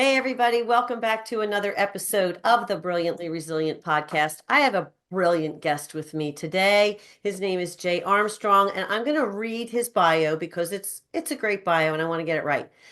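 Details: Adult woman speaking; normal speech.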